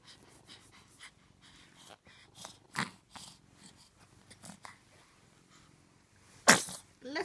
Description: Baby sneezes are hilarious.